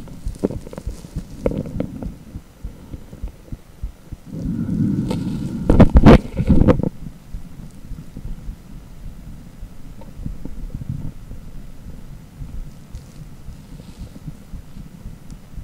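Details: Cardiac ultrasound (echocardiogram) with Doppler heartbeat sound: rhythmic whooshing flow pulses over a steady hum; beat count unclear.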